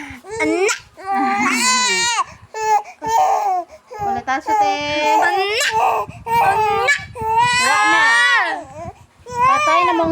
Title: crying baby so cute 🥰 #baby #cute